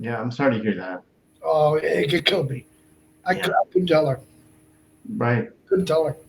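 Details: Adult male stroke survivor and heart transplant recipient with Broca's aphasia for over 8 years after a stroke in March 2011, with short utterances, laborious word-finding and more difficulty with verbs than nouns; Broca's aphasia.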